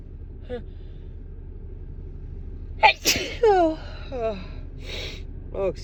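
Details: Female in a car on the drive home, sneezing uncontrollably from dust: repeated sharp sneezes with brief voiced gasps between them over steady road noise.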